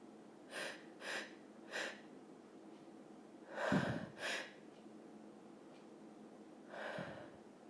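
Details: Female: six short, sharp nasal bursts with pauses between them in a quiet room; snorting through the nose.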